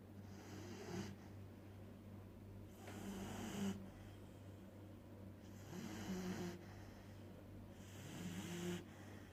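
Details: Sleeping puppy: soft, regular snoring breaths with a slight snort, about 24 per minute, over a steady low hum; snoring.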